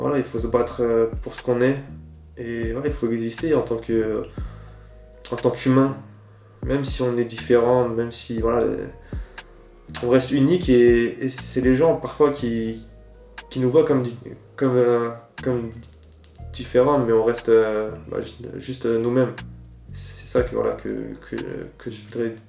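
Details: Stuttering in an adult man who says it is very choppy and blocked when speaking to others, and much smoother when he is alone.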